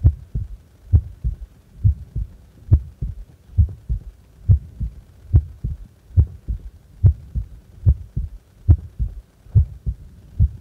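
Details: Resting heart recorded while doing nothing, from a 10-minute recording: steady paired lub-dub heartbeats at about 70 beats a minute, regular rhythm, normal heart sounds.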